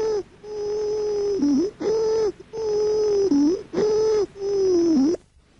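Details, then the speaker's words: Stridor from upper-airway (laryngeal) obstruction, a dry adventitious sound that is fundamentally inspiratory: loud, harsh, high-pitched musical sound with each breath, mainly on breathing in. "otro spector seco característico es el de la obstrucción de la vía aérea alta conocido como estridor laringe o escúchelo a continuación"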